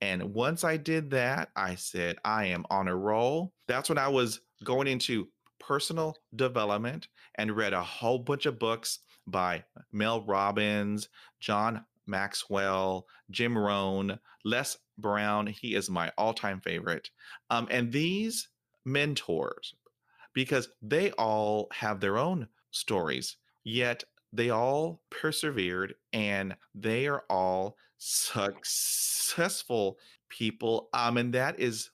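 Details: Stuttering since fifth grade in a 47-year-old man; repetitions and fillers heard.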